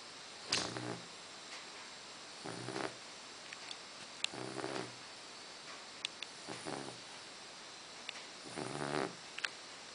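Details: An 8-week-old Dogue de Bordeaux puppy snoring in its sleep. Soft, rattly snores recur about every two seconds in a quiet room.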